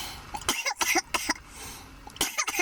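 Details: Run of sharp, dry coughs in short bursts after inhaling marijuana smoke; irritant cough after smoking.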